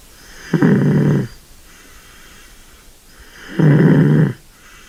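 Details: Sleeping kitten snoring: two loud, rattling snores on breathing in, with steady quiet breathing between.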